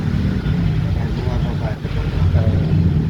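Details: Steady low motor hum from a Dr. Care home oxygen concentrator running as its flow is turned down.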